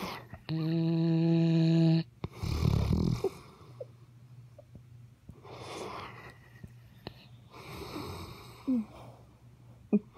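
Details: Loud snoring: rough breaths through the nose and throat with snorting, heard under a steady room hum with a brief tone at the start.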